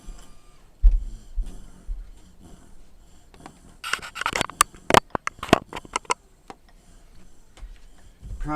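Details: Woman with a tracheostomy, after a breathing treatment that left gurgling: a cluster of short, sharp, noisy gasping breaths in a quiet room; congested tracheostomy breathing needing suctioning.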